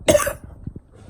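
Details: Cough in a person feeling very sick with a very bad cough and flu-like illness, possibly a virus: one forceful, harsh cough followed by a few small throaty after-coughs.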